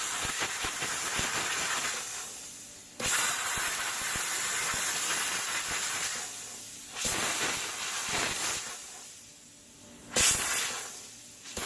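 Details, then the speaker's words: Reliable 5000 dental lab steam cleaner (50 PSI, up to 221 F) in an orthodontic lab removing the heat shield from a soldered wraparound retainer: loud hissing steam bursts starting and stopping several times. "here's one where we've soldered the wraparound soldered sees we still got the heat shield on there and we use a steamer to take that off too"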